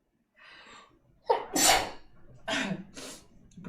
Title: sneezes!